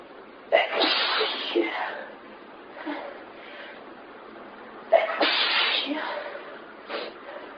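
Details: Sneezing fit: two loud, explosive sneezes, each followed by gasping breaths and softer trailing sounds, part of a repeated sneezing bout.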